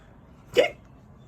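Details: A single short, sharp voiced 'hic' sound, an imitated hiccup in a reading of the Oxford Reading Tree stage 2 story "Hiccups", where Kipper has hiccups after a drink.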